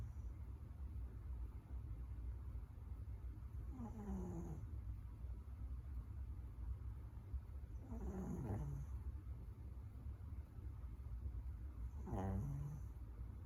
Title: Snoring Bandit ❤️